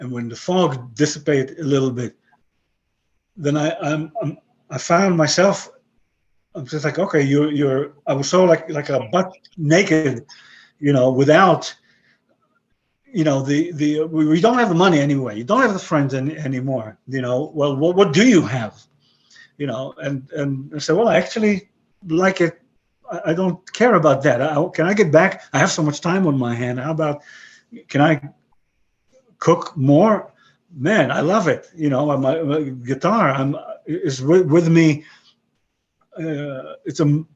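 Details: 62-year-old man with aphasia after a stroke about 11 years earlier, who lost his languages except English and Hebrew and describes his English as broken; aphasia.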